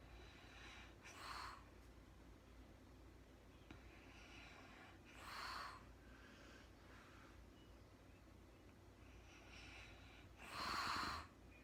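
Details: Woman recorded in real time sleeping through the night, very tired, not talking: three slow, noisy breaths about five seconds apart in a quiet room, each a soft rasping snore during sleep.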